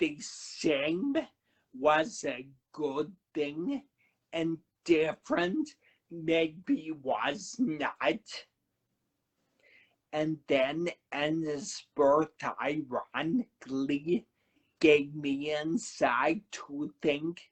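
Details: Man who had a cerebellar stroke at age 35 in September 2013, initially unable to talk, with a paralyzed vocal cord and aphasia mentioned; dysarthria with dysphonia after stroke.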